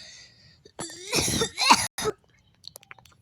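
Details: A short run of harsh coughs and throat clearing in a quiet room, followed by small clicks.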